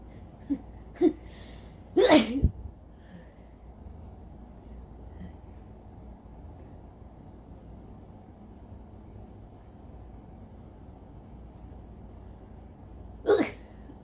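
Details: Two small sneezy bursts, a stronger sneeze, then another short sneeze: brief spats of sneezes in an adult recently getting over a cold, with an itchy nose all day and phlegmy wet coughs; one sneeze didn't fully come out.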